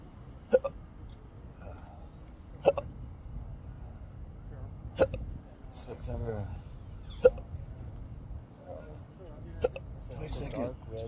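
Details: Intractable hiccups, a rare, debilitating, persistent condition, recorded during a car ride: repeated sharp hiccups, about six in eleven seconds, over road noise and brief talk.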